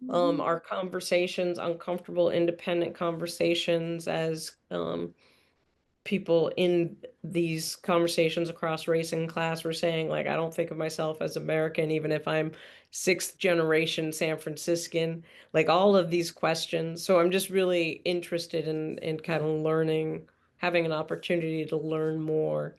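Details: Adult speaker; normal voice.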